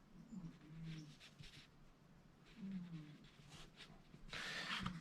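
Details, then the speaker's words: A sleeping Burmese cat gives soft, low, rumbling snores, two slow breaths heard, over brushing and scraping room noise: cat snoring. "That's Coco, our Burmese, snoring in the background, if you're wondering what that noise is."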